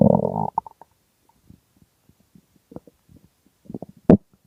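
A loud, low, drawn-out growl, then scattered soft gurgles and a final sharp rumble: ordinary stomach growling, typical of an empty stomach.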